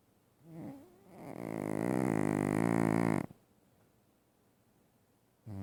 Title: Oscar snores so loudly.